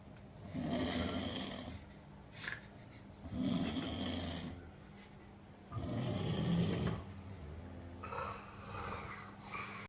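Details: Snoring recorded on an iPhone after a hard night out: loud rattling snores on each in-breath, about three in ten seconds, with quiet pauses between.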